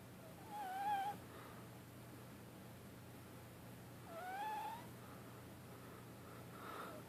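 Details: A sleeping Ragdoll kitten gives two soft, wavering mews over a low, steady breathing rumble: sleep vocalization with snoring.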